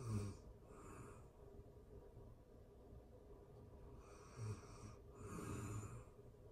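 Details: Real-time recording of a person asleep: soft, low rattling snores on the in-breath with quiet breathing between, over faint room noise; ordinary snoring.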